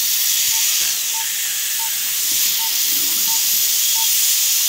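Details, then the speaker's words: High-speed dental handpiece with water spray finishing a stainless steel crown preparation after pulpotomy: continuous loud hiss, faint high whine and brief regular beeps. "Sometimes if it's too high on the occlusal portion, your crown rocks on it. So now I'm going to finish my crown prep."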